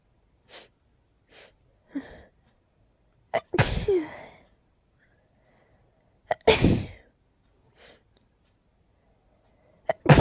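Two loud, explosive sneezes, each preceded by short in-breaths, with quiet breathing and sniffs between. Ordinary sneezing.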